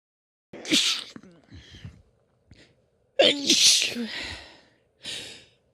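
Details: Sneezing fit in a female: several forceful sneezes with gasping inhales between them.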